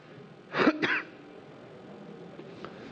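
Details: Adult male judge appearing unwell, coughing several times while reading a court verdict: two quick dry coughs in a row, then quiet room noise.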